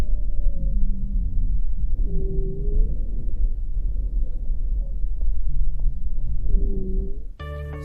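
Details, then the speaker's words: Low-pitched continuous adventitious breath sound from vibration of airway walls due to turbulent flow through obstruction, which may be palpable on the chest wall: rhonchi. "Ruidos continuos, roncos. Es un ruido de baja tonalidad que se produce por vibración de las paredes de la vía aérea generada por flujo turbulento, por obstrucción."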